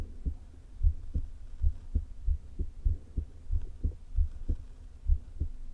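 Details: Woman's heart recorded through a low-placed stethoscope shortly before open heart surgery, with stomach rumbles present: irregular heartbeat of atrial fibrillation with a leaking heart valve (valve regurgitation).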